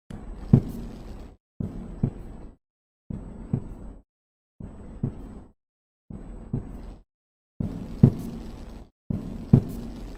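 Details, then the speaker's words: Stethoscope recording of normal first and second heart sounds at the base, repeated cycles of low thumps with the second sound louder than the first. "so now listen to the normal first and second heart sounds at fex and Bas just concentrate that the first heart sound is louder here compared to the second heart s"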